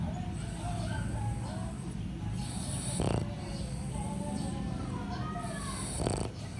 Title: French Pug snoring 💤🐶🐾